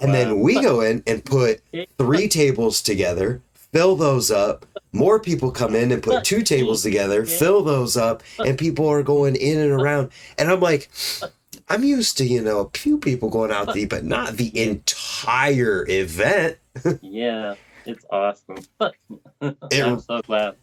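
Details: Adult male speaker; typical speech.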